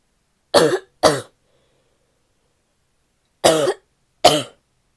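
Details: Female barky coughing fit: four harsh, abrupt, rough cough bursts in two pairs separated by a pause; barking cough.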